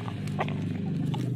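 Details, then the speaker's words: Young Bangkok rooster with a cold (ngorok) breathes with a low, steady, heavy snoring rattle, like mucus in the throat, before treatment: respiratory rattle (snoring) in infectious coryza. "kedengarannya suaranya temen-temen agak berat dia kayak ada lendir di tenggorokan nya kayak manusia ini kalau pilek ya hampir sama lah"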